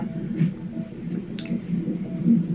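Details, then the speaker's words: Fetal heartbeat on a labor-room monitor during the mother's labor, rapid rhythmic whooshing pulses; meconium-stained fluid noted. "her heartbeat you can probably hear in the background"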